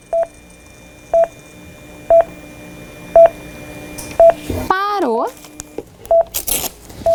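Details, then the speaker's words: Steady cardiac monitor beeps at about 60 a minute tracking each heartbeat of a real live patient in monitored sinus rhythm on a portable monitor, with brief device noise. "Beleza então Nós ligamos a gente tem um paciente vivo aqui com o ritmo sinusal monitorado a gente pode perceber o traçado"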